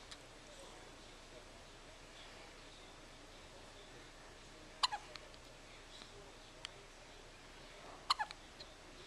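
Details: 9-day-old newborn with hiccups: two or three faint, sharp hiccup clicks spaced several seconds apart in a quiet, hissy room.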